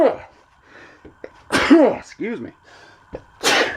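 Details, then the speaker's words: Adult sneezes suddenly while touring a travel trailer, then says something in the air has them sneezing and wheezing: a single sneeze. "I quit holy crap pardon me oh man there's something in the air today I'm sneezing and wheezing like crazy"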